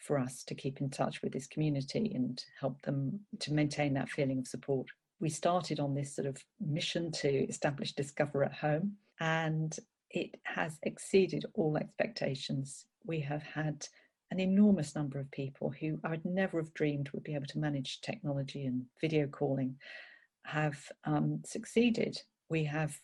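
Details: Adult woman speaking; normal speech.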